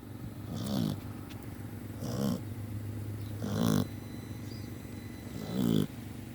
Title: Perro roncando